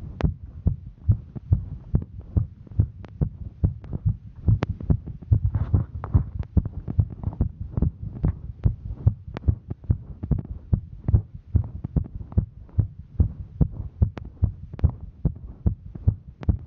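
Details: Female hiking: fast, steady, thudding heartbeat with rumbling body noise, roughly 140 beats a minute; rapid heartbeat during exertion.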